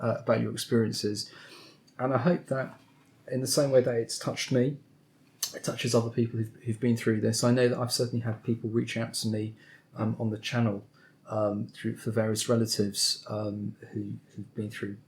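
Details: Adult male speaker; Normal speech.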